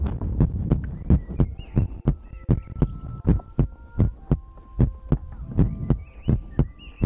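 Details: ASMR heartbeat compilation for sleep: deep, regular double thumps at roughly 80–85 per minute, with a faint tonal hum and chime-like tones in the background; heartbeat.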